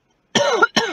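A single harsh, voiced cough from an adult, quickly followed by the start of a second burst; an ordinary cough or throat clearing.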